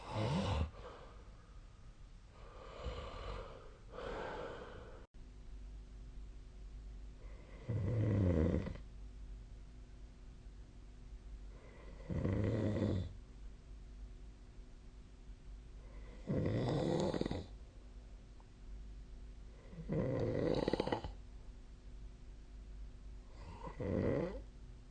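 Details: Human snoring recorded on 2025/03/10: rough, rumbling snores recur every few seconds in a quiet room, about fourteen per minute.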